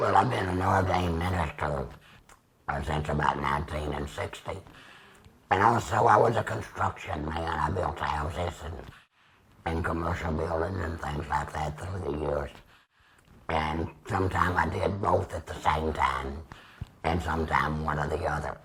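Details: 75-year-old man, total laryngectomy about two years ago with radiation after tracheostomy, speaking with a Provox Vega voice prosthesis, extra HME cassette and Stabila base adhesive; tracheoesophageal speech after laryngectomy.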